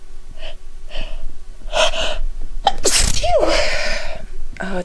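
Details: Woman sniffing a French soap to deliberately trigger sneezes, with watering eyes and growing stuffiness: a few quick breathy in-breaths build to one loud, sharp sneeze, then a slight vocal sound and sniffing.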